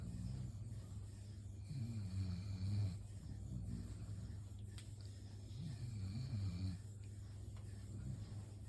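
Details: Snoring: low rumbling snores with each breath, about 16 a minute, over a steady background hum.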